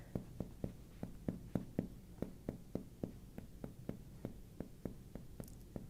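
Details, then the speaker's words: Advanced pulmonary exam: about nineteen sharp percussion taps on the back of the chest, resonant over lung shifting to duller below the diaphragm, locating the diaphragm edge before deep-breath excursion. Percussion note change at the diaphragm, resonant to dull. "So first I'll find the diaphragm. Right there, there's a change in the sound from here to here."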